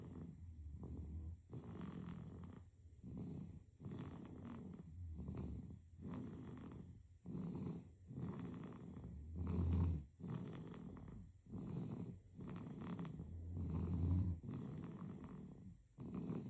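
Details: Sleeping baby snoring: soft, rhythmic, rattling snores on each breath, about 14 breaths a minute.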